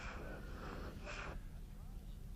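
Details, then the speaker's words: Faint, soft musical whistling as a child breathes out, over quiet background hiss. This is an expiratory wheeze, not stridor, shown in a training demonstration on assessing a child's cough or difficult breathing. "or you may hear other noises when the child breathes out such as wheezing these are not stride or"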